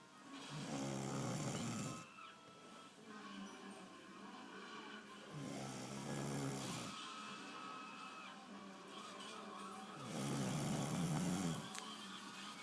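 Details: Snoring: three loud, rattling snores, each about two seconds long, at roughly 12 breaths a minute, with quieter breathing between them and faint background music.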